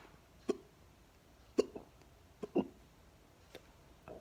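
Short, sharp gulping clicks recur about once a second in a quiet room, the typical sound of hiccups.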